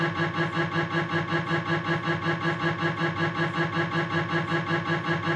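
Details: Knee MRI scan on a Philips 1.5T scanner running a knee sequence: loud rhythmic buzzing knocks, about 158 per minute.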